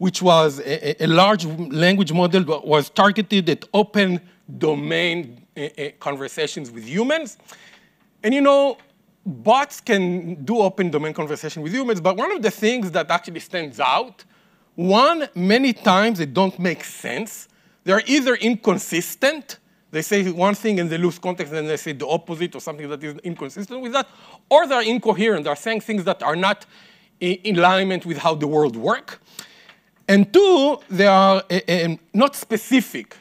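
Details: Adult man speaking; ordinary speech.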